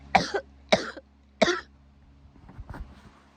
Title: Cough is keeping me awake